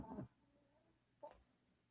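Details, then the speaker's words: Small Maltese dog snoring while asleep beside its owner: two short, soft snorting breath sounds separated by quiet, in a small room. "Oh, yeah, little Winston's right next to me. I didn't even see him. That's my little Maltese. They hear you snoring. I didn't even realize he was snoring."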